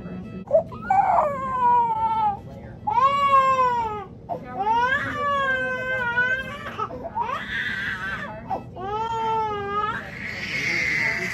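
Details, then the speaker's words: 9-month-old baby girl after tongue-tie surgery (frenotomy): repeated loud, strained, wailing cry bursts with short catches of breath between them. "but she was really like crying like she was in pain or whatever so I did give her some more T"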